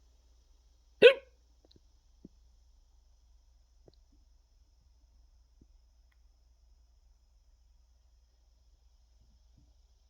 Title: Ducks on the Deck (cinematographer has hiccups)